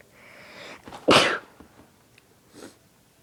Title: Induced sneezes